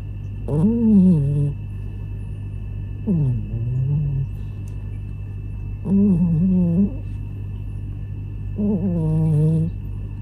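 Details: Pet cat (Munchkin father cat) asleep after tiring play: four loud, voiced, rumbling snores about every two to three seconds over a steady background hum; cat snoring.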